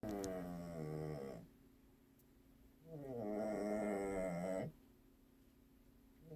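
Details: Cat, the youngest member of the household, snoring in sleep: two long buzzing tonal snores on the in-breath with quiet pauses between; snoring.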